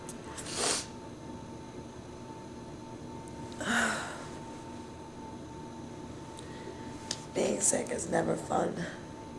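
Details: Person with bronchitis, also reporting a stuffy nose, very sore throat, feeling feverish and cold: two separate harsh cough bursts, then a quick run of four or five coughs over steady room hum; bronchitis cough.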